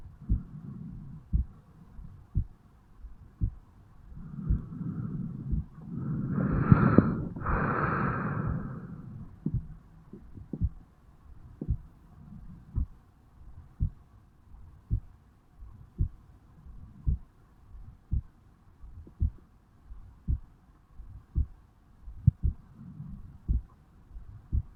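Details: 35-year-old male recording his own heartbeat over the bicuspid/mitral valve area on waking in the morning: steady, regular heartbeat at about 56 beats a minute, with a couple of loud breaths partway through.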